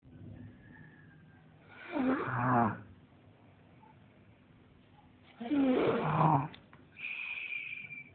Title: Demon snores